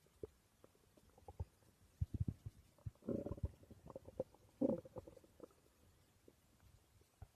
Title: My stomach growling ❤️